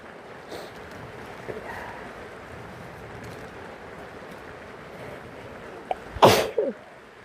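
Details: Person sick, sneezing: a quiet breath in, then one loud explosive sneeze over steady rain in the background.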